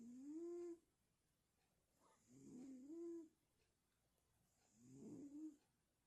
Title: snoring no.2